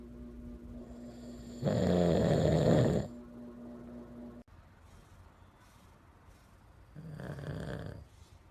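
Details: Adult man sleeping with nasal snoring: two loud, rough rattling snoring breaths separated by quieter breathing and a steady background hum.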